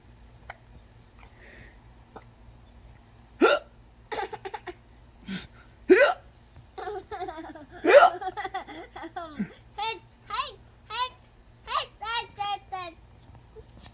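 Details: Repeated sharp, abrupt vocal hiccups at irregular intervals, mixed with laughter and chatter from a man among friends.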